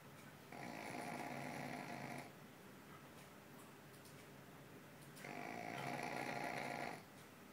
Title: Fat dog snoring